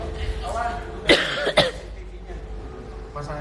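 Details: Two short, sharp coughs over room noise and faint background voices; a cough.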